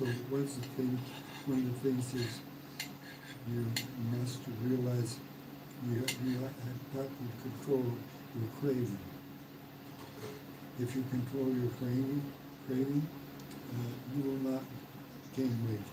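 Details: Man, 115 days after a mild stroke, in self-therapy; word-finding pauses and repetitions; mild post-stroke aphasia.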